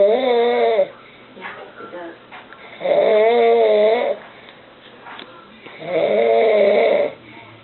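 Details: Loud, droning snores on the in-breath, about 20 a minute, with quiet breathing between, from a sleeping father; ordinary snoring.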